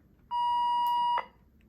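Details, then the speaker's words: Syringe pump alarm during setup of an enteral feed (usually breast milk bolus or continuous feed) via 60 cc enteral syringe: single steady high-pitched electronic beep about a second long with a faint click at its end. "and it loves to alarm at you so just know where that silence button is"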